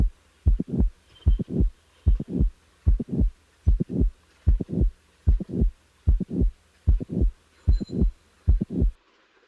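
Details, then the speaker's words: Mitral valve prolapse: regular heartbeat at about 75 per minute with a mid-systolic click added, then a late systolic murmur; mid-systolic click with late systolic murmur (mitral valve prolapse). "The next example is that of a late systolic murmur in a patient with a mitral valve prolapse. Now the mid-systolic click is added. Now, a late systolic murmur is added."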